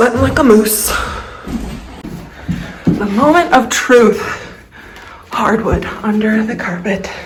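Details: Vocal tremor in an adult woman who describes a lifelong vocal disorder that is a medical condition.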